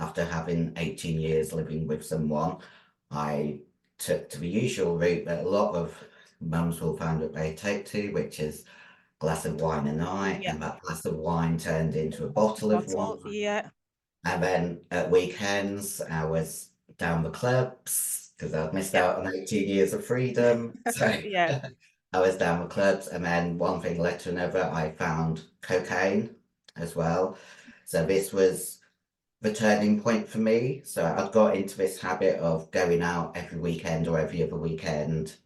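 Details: 56-year-old female bodybuilder with androgen-induced voice deepening (virilized voice) after large doses of anabolic/male steroids. Her formerly high-pitched voice is now very deep and she can no longer sing. She also has past liver damage.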